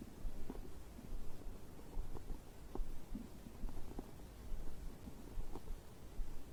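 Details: Bowel sounds recorded after drinking a beverage: low gurgling and rumbling with soft irregular pops, ordinary stomach growling during digestion.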